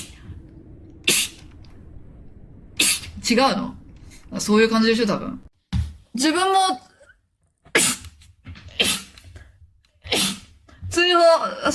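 Several sharp, explosive sneezes in quick succession, some with a voiced inhale before the burst, with room noise between them.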